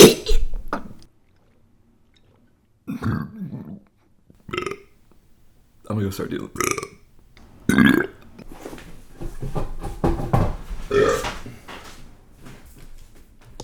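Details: Burping by a man: a series of loud, low, gurgling burps separated by pauses, with some softer voiced sounds between them.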